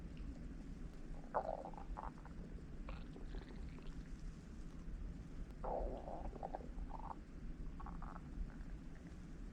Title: おなかの空腹音#3/Stomach growls sounds#3/hungry